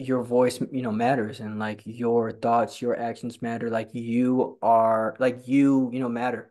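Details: Stuttering in a person who stutters, speaking in a conversation between two people who stutter who met at a stuttering support group; a speaker says he is learning to fully embrace his stutter.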